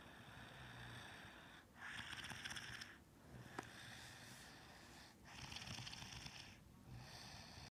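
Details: Two long, rough, noisy breath sounds, each over a second, separated by quieter gaps: snoring during sleep.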